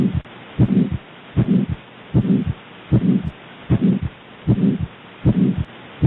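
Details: Aortic stenosis murmur: regular heartbeat near 77 a minute with a harsh whooshing murmur filling the gap after each first sound.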